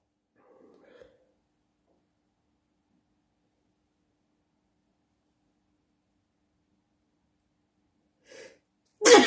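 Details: Loud sneezing at night: after long quiet with faint breathing, one abrupt, loud, explosive sneeze at the end; single sneeze.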